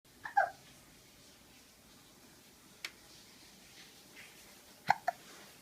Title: Cute baby HUD development having a hiccup because teething